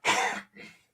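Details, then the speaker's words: Adult man fighting off a respiratory illness caught from family, under the weather since Sunday night, gives a harsh, rasping throat-clearing cough in two bursts, hacking and wheezing. "listen to down there hacking and wheezing down there"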